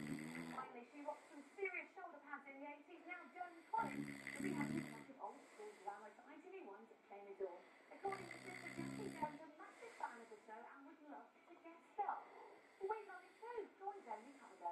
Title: snoring like a good un